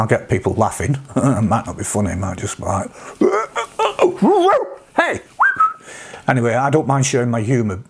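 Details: Vocal tics in an adult man with Tourette syndrome with coprolalia, whose tics reached this degree after age 46; he also has milder tics such as sniffs and humming.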